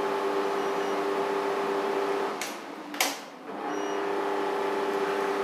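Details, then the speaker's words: Laser hair removal machine switched on after cooling gel is applied to the skin, a German-made unit; continuous steady hum with constant tone and a brief interruption midway. "सो उसके बाद laser hair removal machine को on किया जाता है"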